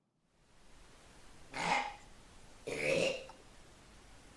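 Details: 82-year-old man after total laryngectomy (2021) and radiotherapy, efficient upper esophageal sphincter; during fiberoscope-guided exercise, phonation triggers palatopharyngeal reflex with lateral pharyngeal wall clenching, making speech impossible; failed tracheoesophageal phonation attempt.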